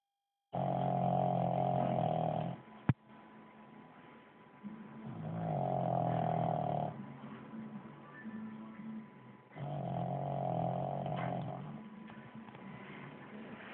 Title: Pug snoring